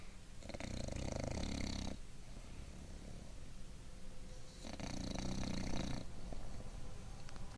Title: Bulldog sitting up snoring